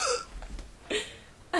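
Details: Two abrupt, sharp voiced gulps about a second apart with room noise between, from someone with persistent hiccups they can't stop while playing on a webcam; hiccups.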